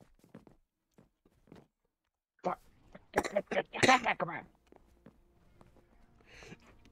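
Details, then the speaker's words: Someone talking constantly while live-streaming a video game gives a sharp burst, then a couple of seconds of harsh, wet, throaty noise, a cough mixed with gargling. He says he keeps coughing. "it was a mixture of coughing and gargling that's what it sounded like a cargle yeah I really wish I would stop coughing"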